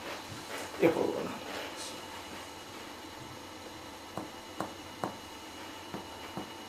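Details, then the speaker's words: Teaching demonstration of comparative lung percussion on the patient's back, finger-on-finger taps at symmetric sites: a clear pulmonary note over the lungs, normal lung resonance. "голона над легенями ясний легеневий звук"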